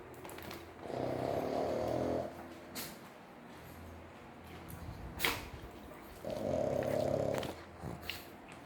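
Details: Sleeping pug dog snoring: two loud, buzzing, rumbling breaths about five seconds apart, with quiet breathing and faint clicks between them.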